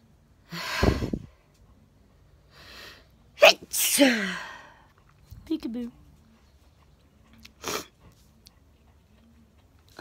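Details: Simulated sneezing from a cartoon soundtrack: several loud, sharp sneeze bursts with sniffles between them.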